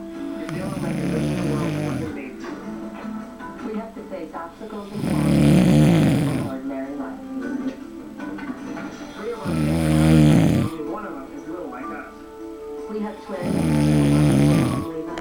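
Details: Loud, rattling snores about every four to five seconds, roughly 14 a minute, with music and television sound in the background: snoring.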